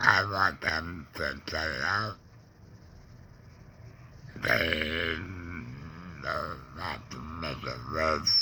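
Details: Adult man after laryngectomy for cancer (tongue cancer per hashtags), breathing through a neck stoma ("neck breather"), reports depression and tongue pain; alaryngeal speech after laryngectomy.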